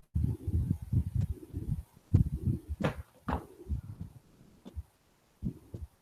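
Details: Teaching recording played in a cardiology seminar, heard at the apex: pansystolic mitral regurgitation murmur.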